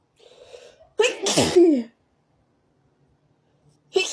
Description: had a tickly feeling in my nose..